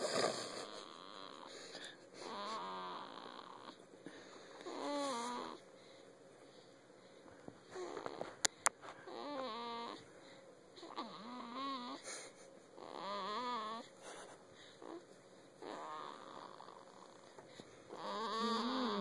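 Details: Six-day-old baby sleeping on his father's chest, with soft, irregular snuffly snoring and squeaky nasal sounds on each breath, faint room noise; infant snoring.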